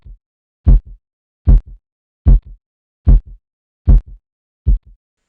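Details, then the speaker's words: Korotkoff phase 2 during cuff deflation in auscultatory blood pressure measurement: regular thumping beats, about 75 a minute, with a clearly audible soft swishing murmur. "en la fase 2 de korotkov se percibe un soplo bien audible"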